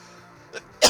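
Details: Single cough during a sung mic test: faint sung tone gives way to a small puff of air, then a sudden loud, harsh cough cut off at the end.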